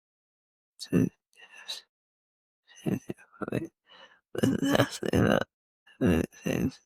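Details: Slurred dysarthria in a woman with cerebellar-type multiple system atrophy (MSA-C).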